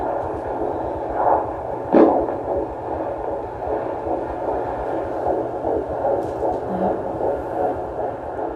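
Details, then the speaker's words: Fetal heartbeat on Doppler over a pregnant belly: fast, soft rhythmic pulsing through a steady Doppler hum, about 150 beats a minute. "they would put the fetal doppler on your belly and so you you could hear the baby's heartbeat but then also when the baby would move it would make this whoosh wishing sound"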